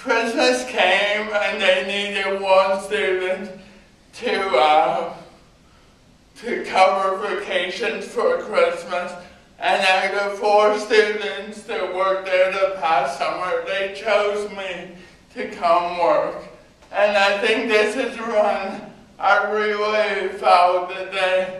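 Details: Adult man with cerebral palsy giving a talk about his own condition; dysarthric speech (cerebral palsy).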